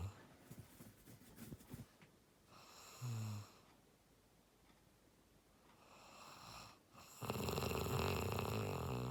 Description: When you are tired and the weather is cool, you cannot stop it but snore to the max and then, you’ll be refreshed!